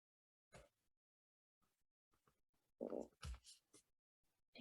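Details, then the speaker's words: Quiet, low gurgling rumbles in short bursts in a silent room: a presenter's stomach growling during a card-making demonstration. "can hear my stomach growling. I am so sorry."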